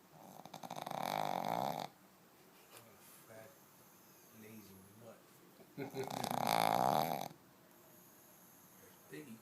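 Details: Sleeping pug dog snoring loudly: two loud, rattling, drawn-out snores separated by quiet breathing.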